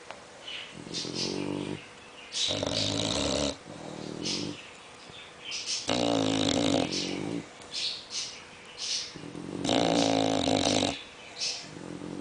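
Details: English bulldog and French bulldog snoring together: loud, overlapping snorting snores with rough rattling on breaths in and out.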